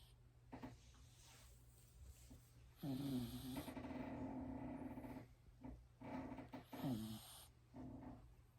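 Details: Dog named Choco snoring: repeated rough, buzzing sleep breaths with a low fluttering tone, separated by quieter breaths.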